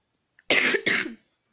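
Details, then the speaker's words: Adult who says they are currently ill with a hoarse voice: two quick, harsh cough bursts in a row in a quiet room; cough. "En ce moment, je suis malade."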